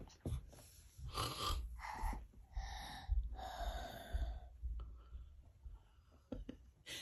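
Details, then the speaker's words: A young girl imitates how her dad snores, making rough, snorting breath noises in short rattling bursts. "okay show me your how your daddy snore and then we go upstairs come on"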